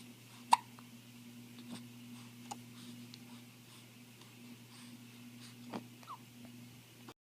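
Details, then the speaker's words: Hiccups: sharp, brief hiccup sounds, about five over seven seconds, against steady background hum; ordinary hiccups. "Yeah, the stupid hiccup. Tell him to go away. Yeah, go away, you stupid hiccups."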